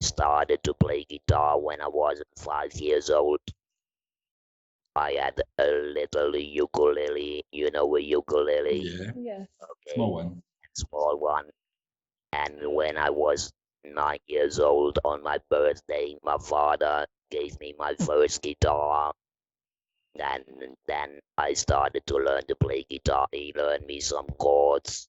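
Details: Electrolarynx speech from a 66-year-old man, a musician, about eight months after total laryngectomy in February 2020, using a neck-held electrolarynx (Inspiration model) with a button controlling pitch and intonation.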